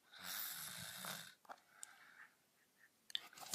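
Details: Girl snoring: one rough, rattling snore on a breath in, then quiet breathing with faint clicks in a small room.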